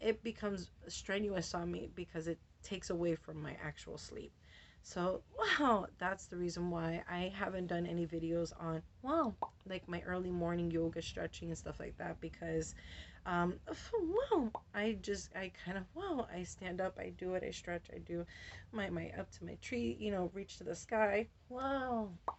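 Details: Adult woman with Tourette syndrome whose vocal tics, interjections ("wow", "whoa") and repeated words, interrupt her speech; she says her tics have been very active since a change of medication; vocal tics (Tourette syndrome).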